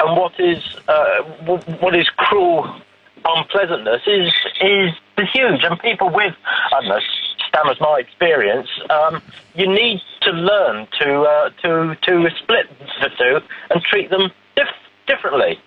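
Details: Stammering in an adult man.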